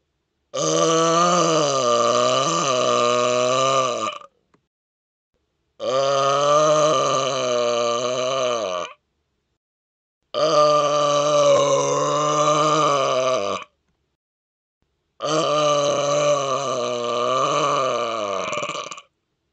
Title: Burping With A Decibel Meter & Breaking The Current World Record Loudest Burp!